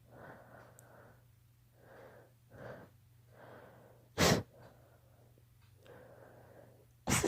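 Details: A child's allergy sneezing: several soft, breathy breaths, then two sharp, explosive sneezes.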